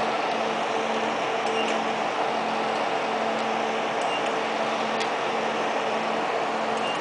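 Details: Steady fan-like hum with low electrical tone and faint clicks: 1064nm long-pulse Nd:YAG laser operating during hair removal.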